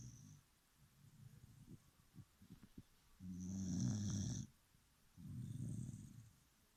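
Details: Dog snoring while asleep: deep, rattling low snores, two long rumbling breaths after quieter snuffling; ordinary canine snoring likened to an old man's.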